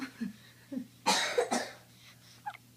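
Two short, harsh coughs in quick succession, with faint breathing sounds before and after.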